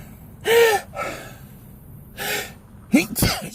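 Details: Adult, who says they usually sneeze in threes, in a sneezing bout that reaches seven sneezes: a gasping in-breath followed by a sharp sneeze burst, with a softer breath between.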